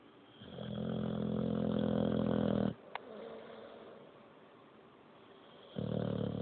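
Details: A loud, buzzing rattle on one breath, then a quieter breath, then the rattle starting again: snoring from a sleeping Boxer dog.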